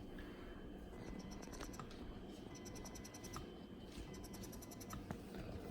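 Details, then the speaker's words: Quiet repeating mechanical cycles with soft tones and rapid clicking about every 1.5 seconds from a Spectra S1 double electric breast pump, switched on for the first time during unboxing, running normally. "So yeah, so let's leave it that way, and then let's turn on the power and see how it works. So let's switch on the power."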